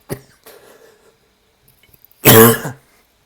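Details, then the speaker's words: A short cough, soft throat clearing, then a loud voiced throat-clearing cough from an adult with asthma, triggered by laughing. "Asthma and laughing don't go well together."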